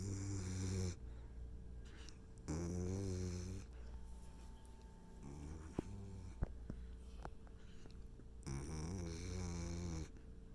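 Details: Puppies snoring.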